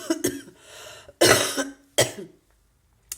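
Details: Adult woman with chest congestion and sputum hard to clear, after tonsillitis: three harsh, wet coughs with voiced catches in a quiet room; wet cough.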